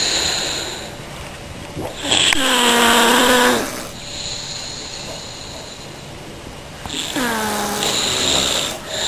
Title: Me and my boyfriend snoring our heads off